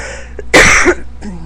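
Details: Adult woman, sick and unable to recover since returning from a trip, her illness now back after seeming to improve. One loud, harsh cough burst with a rough, throaty tail.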